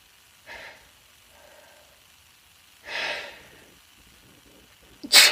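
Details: Female sneezing: hissing breaths in, then a sharp explosive burst at the end, a sneeze.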